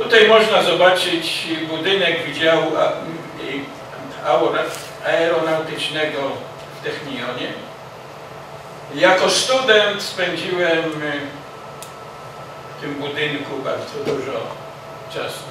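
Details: Adult man who has stuttered since childhood and still stutters despite many therapies, including an intensive fluency-shaping course, speaking Polish; stuttering.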